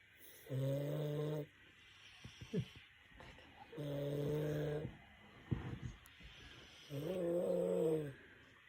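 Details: Deep sleep with three loud, regular buzzing snores and quieter breaths between, about 18 a minute: loud snoring.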